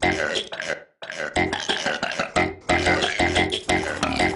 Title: Vidrhythm of burps